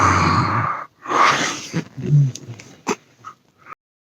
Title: Major Snoring Problems